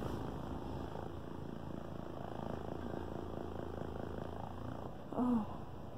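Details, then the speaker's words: An adult with COPD on oxygen and pulmonary hypertension who needs a double lung transplant, doing vest airway clearance in sections of about 10–15 minutes: a low, steady purring chest-wall vibration with a brief louder sound near the end. "okay each section is about 10 to 15 minutes you can also set the length of time only on each section"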